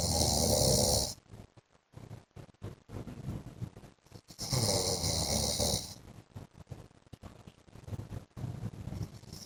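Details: Adult man (husband) asleep: loud, harsh snores with snorting breaths, about 14 a minute, uneven in rhythm; heavy snoring.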